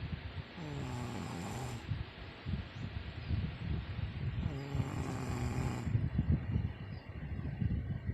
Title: MY WIFE SNORING/SLEEPING 04/25/21